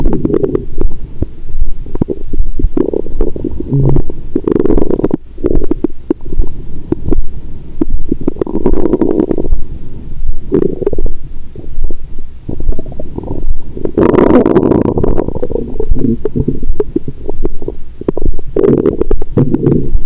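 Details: Continuous low gurgling and bubbling through a stethoscope with frequent louder rumbling bursts on a woman's abdomen after a large Christmas dinner with wine following a 22-hour fast: active bowel sounds.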